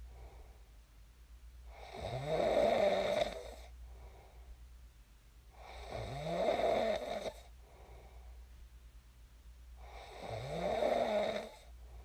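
Three loud, rattling snores on the in-breaths, about 15 breaths a minute, with quieter out-breaths between them.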